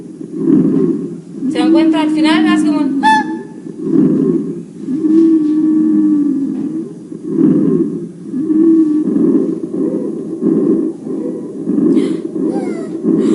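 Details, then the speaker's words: Expiratory wheezes on lung auscultation, heard in only one phase of breathing, expiration. "final sibilancias en un solo tiempo o sibilancias espiratorias las anteriores eran inspiratorias y espiratorias en los dos tiempos"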